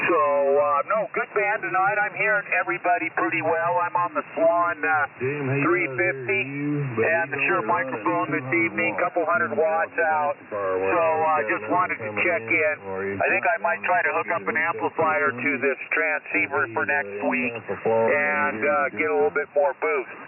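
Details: Adult male over radio; Normal voice.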